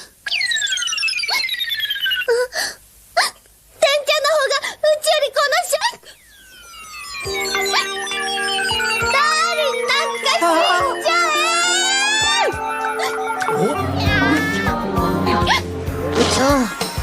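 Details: Simulated hiccups: sharp, squeaky hiccup sounds acted by a cartoon character (Lum, Urusei Yatsura) over music and effects.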